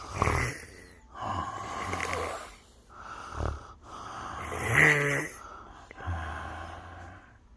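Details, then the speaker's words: Mother's snoring recorded while she sleeps: loud, rough snores with snorting breaths and brief household sounds; ordinary snoring. "어진아 엄마 코 어떻게 골라 어 또 엄마 코 고는 거 줘 다시 엄마 코 어떻게 골라 와 엄청 크 구네"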